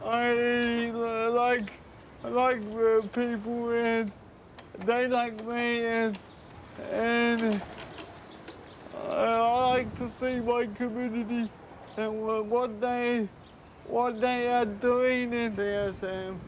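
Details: 32-year-old man with cerebral palsy present since birth, dependent on 24-hour care; slurred speech that worsens when he is tired; dysarthria.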